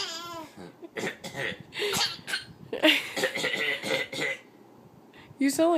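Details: A child and a man trade playful, deliberate voluntary coughs back and forth, mixed with laughter and voices.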